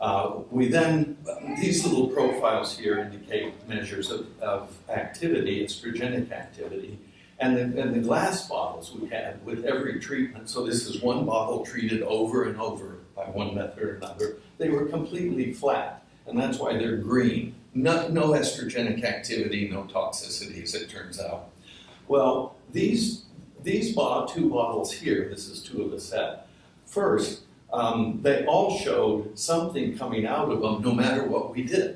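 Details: Adult man with essential tremor; voice wavers; voice tremor (essential tremor).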